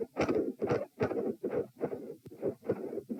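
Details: Doppler probe at position P during a lying-sitting-standing-lying stress test: whooshing heart sounds about 73 per minute with loud rushing flow filling each beat; multiple heart murmurs.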